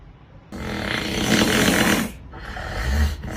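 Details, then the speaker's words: Very loud, harsh, rattling heavy snoring: a snore lasting over a second, then a shorter rough snore; onlookers remark the man is not sleeping but choking. "Adam uyumuyor hocam. Boğuluyor."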